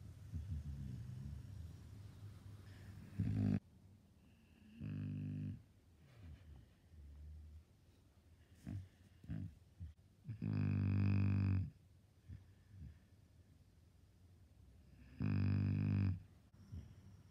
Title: Senior boxer dog snoring QUITE loudly!